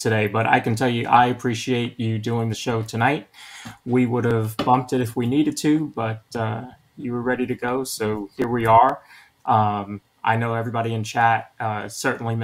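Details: Adult male speaker; normal speech.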